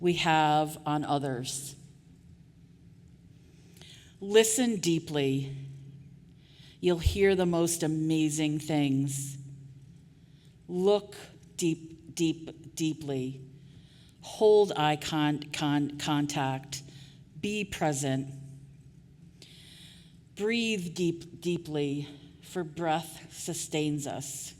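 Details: Adult woman with stuttering, covert for years before she began speaking openly about it; real, not acted, during a keynote address: stuttering.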